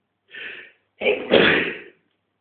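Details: Adult male sneeze induced with a tissue: a short, breathy intake, then a loud, explosive burst of air, a single sneeze.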